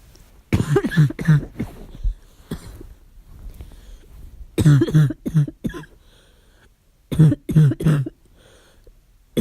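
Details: Barking cough at night: three bouts of harsh, hoarse, seal-like coughs, about eleven in all, with quiet pauses between bouts.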